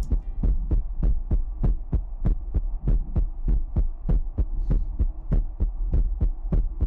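Fast, even thumping heartbeat at about 98 beats a minute over a steady low hum.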